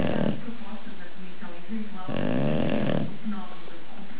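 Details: English bulldog snoring while asleep: loud rattling snores on each breath over steady room noise; heavy snoring from a flat-faced dog.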